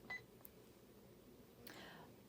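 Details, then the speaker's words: Single short electronic beep as OK is pressed to confirm the med-surg care area on a Baxter Spectrum IQ smart IV pump, then faint clicks in a quiet room; normal infusion pump keypad beep. "you can scroll up or down accordingly but usually it's med surg and see that's highlighted in order to solidify that i'm going to click ok"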